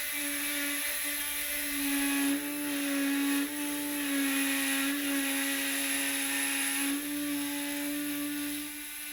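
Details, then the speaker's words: Lapidus procedure for hallux valgus, AO workshop: oscillating saw starting the osteotomy cut at the base of the first metatarsal; steady high-pitched motor whine with slight pitch changes as it cuts. "the saw is used to begin the osteotomy cut on the first metatarsal"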